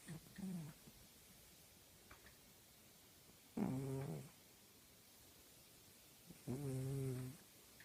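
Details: A female tabby cat snoring loudly while asleep.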